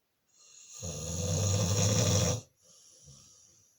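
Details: Pitbull named Diva snoring while asleep: one long, deep, rumbling snore on the in-breath, followed by a softer out-breath.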